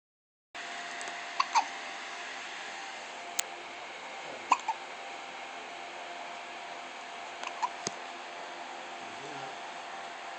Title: baby hiccups